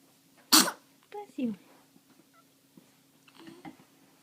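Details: 5-month-old baby sneezing.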